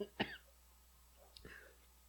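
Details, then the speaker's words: Adult man out of breath after shouting gives two short, sharp coughs about a second apart in a quiet room. "well unfortunately the proposed run last run of anthony i'm coughing just yelling at you i'm out of breath yelling at you i haven't even [ __ ] throw a punch yet and i'm i'm coughing"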